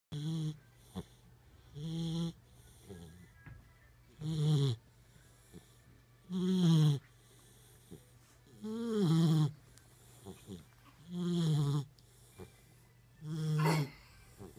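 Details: Lab puppy Tess sleeping after a long walk, regular rattling snores with a soft whistling edge, about 26 breaths a minute: snoring.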